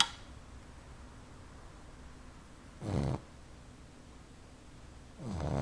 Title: Boxer pup snoring like a man